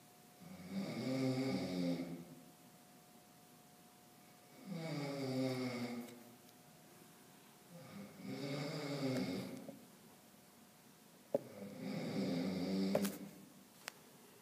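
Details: Person snoring in a campus group study room at night, with four loud, drawn-out, buzzing snores about 16 a minute and quiet pauses between, over a steady faint room hum.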